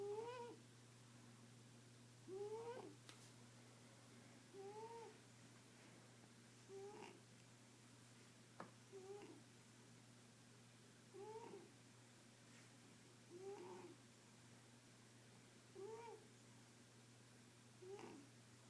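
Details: Snoring from a sleeping female cat, said to be fine: soft, regular rasping snores, about 27 a minute, over a steady low room hum.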